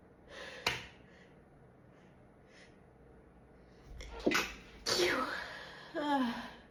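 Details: Woman trying to hold back and stifle repeated sneezes: muffled, held-back sneeze bursts with gasping breaths in between, then fuller sneezes escaping. Partly stifled sneezing.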